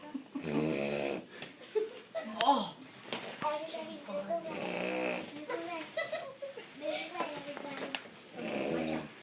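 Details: Dad snoring: loud, buzzing snores about every four seconds, roughly 15 breaths a minute, with softer voiced noises between them in a small room.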